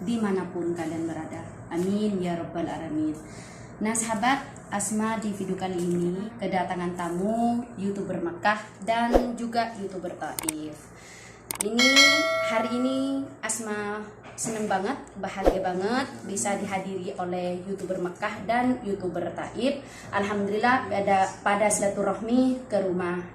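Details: Adult woman speaking; normal voice.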